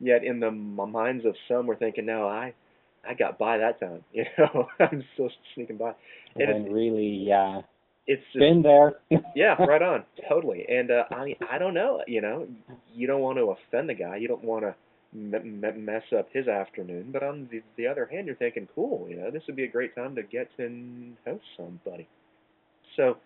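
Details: Lifelong stuttering in an adult co-host, real, conversational speech in a casual webcam chat among stutterers; stuttering.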